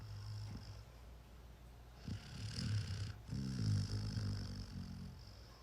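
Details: A sleeping Goldendoodle puppy snoring: soft, low, rumbling breaths with faint purring snorts over a quiet room hiss.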